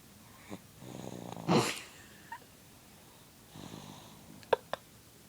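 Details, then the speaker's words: Peacefully sleeping subject snoring: rough, rattling snores on two breaths with a purring quality, like a cat purring, in a quiet room. "Sounds like a cat purring."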